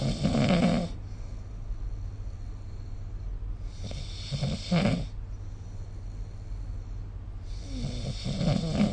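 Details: Snoring during sleep recorded with the SnoreLab phone app: rough, rumbling snores on each breath in, about 16 a minute, over a steady low room hum.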